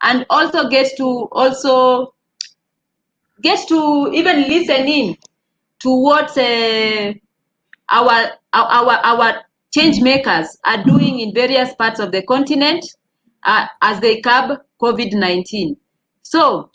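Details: Dysarthric speech in a man living with cerebral palsy.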